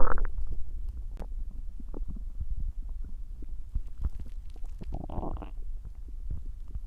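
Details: Stomach growling: low gurgling, bubbling and squeaky rumbles from the belly, rising and falling for several seconds.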